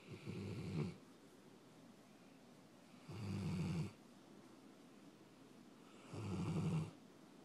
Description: Kodi, My 4 yr old greater Swiss mountain dog snoring while napping and getting pets :)